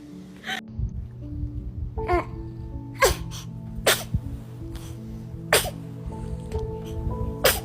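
Several small, sharp baby sneezes in quick succession over background music; ordinary sneezing.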